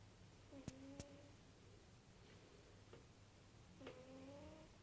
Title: Cat snoring very quietly